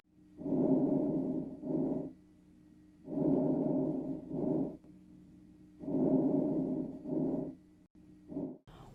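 Soft, even rushing breaths, each in-breath followed by an out-breath, about 22 a minute, with no wheeze or crackle: normal clear breath sounds.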